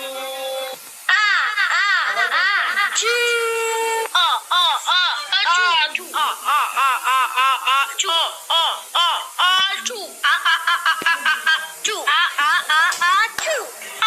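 Repeated high-pitched wailing cries in rapid bursts, a distressed crying child in a small room.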